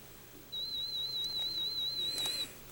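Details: Audiometer warble (FM) test tone at about 4,000 Hz presented through headphones during pure tone threshold testing in a clinic demonstration: a steady high-pitched warble lasting about two seconds over faint room noise.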